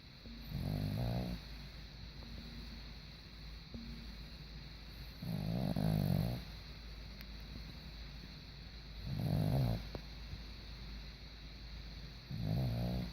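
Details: A sleeping dog snoring: low rumbling snores about every 4 seconds, roughly 15 a minute, over steady room hum.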